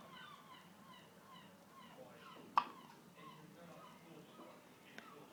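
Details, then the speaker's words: Two brief, sharp hiccups a few seconds apart from a baby born 5 weeks premature, still in the special care unit, who gets hiccups after every feed; hiccups. "you always get the hiccups don't you after every feed get the hiccups"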